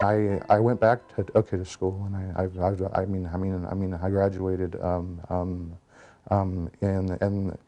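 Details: Stuttering since age four in an adult man, recorded before being fitted with the SpeechEasy device; repetitions and filler words are heard.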